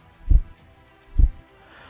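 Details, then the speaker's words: Normal first heart sound (S1, 'lub'): two dull, low thumps about a second apart, followed by a brief louder sound at the end. "Love sound को हमारे हृदय का S1 sound कहते हैं।"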